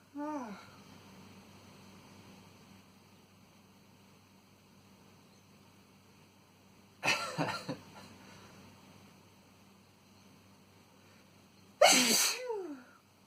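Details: An adult man's two forceful sneezes induced with a tissue, the first a stuttered double burst, with quiet pauses in a small room.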